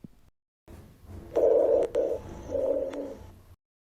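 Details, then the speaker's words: Two low-pitched, coarse, snoring-like continuous sounds, one with each breath phase, over a faint background hum: rhonchi from harsh airflow through obstructed large airways. "roncus los ruidos que parecen ronquidos y ocurren cuando el aire queda obstruido el flujo de aire se vuelve áspero a través de las grandes vías respiratorias"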